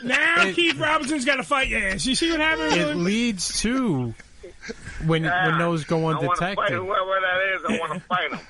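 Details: Adult man speaking; normal speech.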